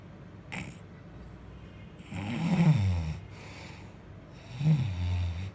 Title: Baby can't sleep because her dad is snoring/baby making silly faces/funny